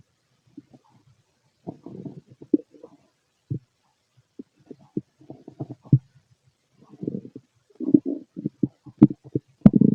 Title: Empty stomach noises and heartbeat